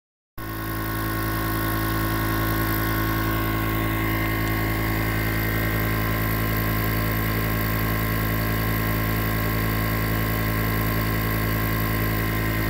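Steady mechanical hum and buzz of a running nebulizer compressor, continuous throughout.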